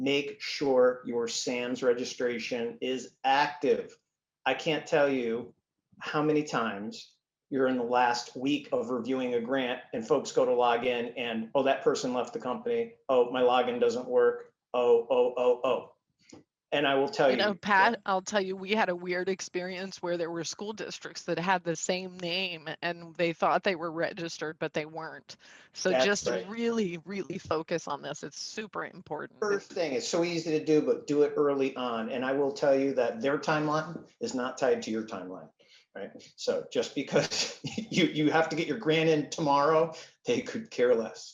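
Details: Adult male speaker; normal voice.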